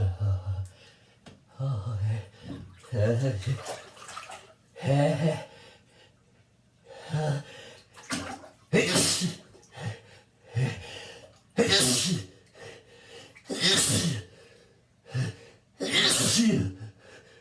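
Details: About six loud, explosive sneezes with gasps and groans between them, in an echoing bathroom with splashing water; adult in a bathtub after wine and being out in rain, reporting burning in the nose; repeated sneezing.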